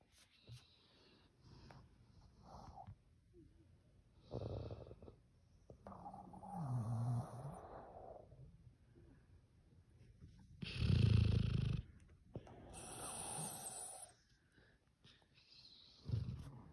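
Irregular low rumbling snores with snorting breaths from a sleeping dog, three or four louder snores over about seventeen seconds.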